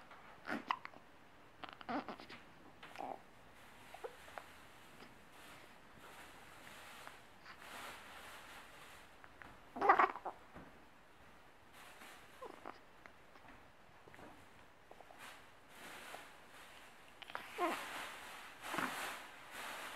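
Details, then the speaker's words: Someone with hiccups: repeated brief, sharp catching sounds at irregular intervals over quiet room noise. "Somebody get the hiccups?"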